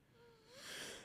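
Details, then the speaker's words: A brief, slightly rising whistling tone on a breath, then a rush of airy breath noise, as an adult wheezes into the microphone while talking. "Excuse me. I'm like wheezing into the mic."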